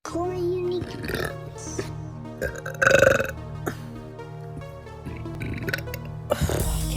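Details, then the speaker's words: A girl makes a loud, drawn-out voiced burp over background music and talking. "I'm just better at longer burps, I guess."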